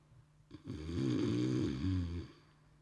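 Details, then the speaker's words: Staged snoring by an actor in a comedy sketch, bed partner complaining and telling him to turn over: a single long, rough, buzzing inhaled snore. ", you're snottering. In my face."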